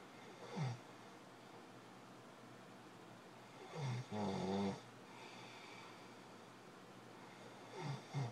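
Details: Husband's snoring during sleep recorded at night, audio only: irregular low rattling snores with quiet breathing between in a quiet room; snoring.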